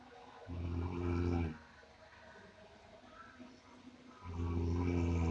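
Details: Snoring likened to a water buffalo's: deep, loud, grunting snores with a rattling buzz, separated by quieter breathing; heavy snoring.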